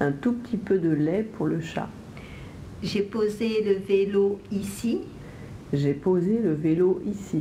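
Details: Adolescent with cleft lip and palate and velopharyngeal decompensation, repeating test sentences during an aerophonoscope assessment of nasal emission; nasal air emission (velopharyngeal insufficiency).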